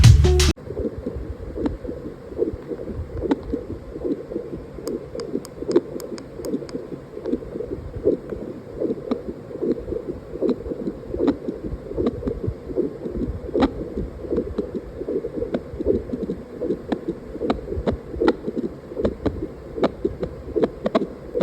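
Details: Contec ultrasound fetal Doppler probe on an antenatal monitor: rapid whooshing, galloping pulses typical of a fetal heartbeat.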